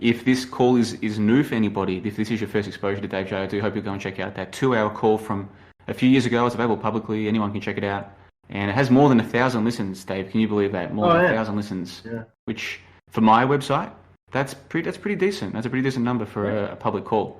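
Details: Adult man speaking; ordinary speech.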